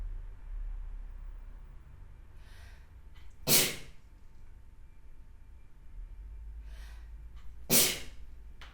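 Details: Two sharp, explosive sneezes about four seconds apart, each preceded by a brief inhalation, in a quiet room; sneezing.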